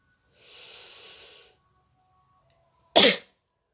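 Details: Nursing student demonstrates effective cough: one long, audible deep breath in to fill the chest, a pause, then one sharp, forceful voluntary cough.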